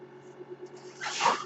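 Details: Mechanical ventilator heard during a podcast recorded by its ventilator-dependent host: steady low machine hum, then a rising rush of air as a breath is delivered.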